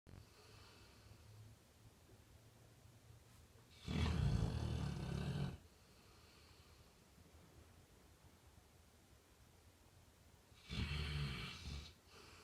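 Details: Labrador snoring in sleep: two long, deep, rumbling snores on inhalation about seven seconds apart, with quiet breathing between.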